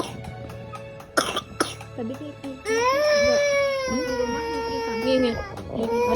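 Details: Young child coughing: two short, sharp coughs, then a long drawn-out voiced sound.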